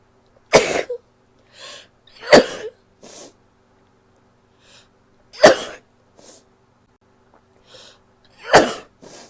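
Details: Female sneezing: four explosive sneezes, each preceded by a quick in-breath and followed by a small after-sound; ordinary sneezing.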